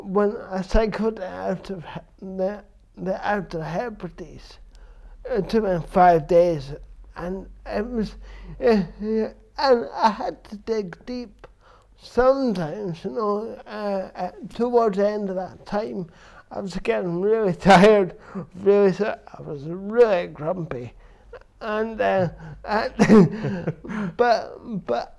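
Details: Dysarthria in an adult man with cerebral palsy since birth, which he says affects his verbal communication, balance and coordination.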